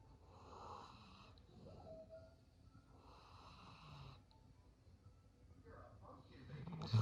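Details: Golden Lab dog snoring while asleep: soft, rhythmic breaths with a raspy, fluttering quality on each breath.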